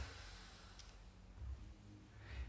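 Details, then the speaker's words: Snoring from a dog in the background. "you can hear snoring in the background it's a dog it's not me"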